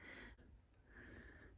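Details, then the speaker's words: Two hissing, wheezy breaths from a 692 g Eastern long-necked turtle in rehab after a car accident, dehydrated and with wounds: noisy breathing taken to indicate a respiratory infection or airway blockage. "you can hear the breathing so that's an indication of a respiratory infection or a blockage"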